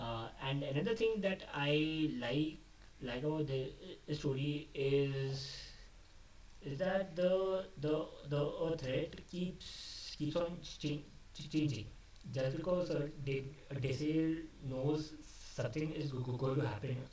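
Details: Adult male who stammers, speaking unscripted after dropping his script, which he says increased his stammering. Finding: stuttering.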